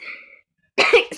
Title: New blog sorry for coughing Im sick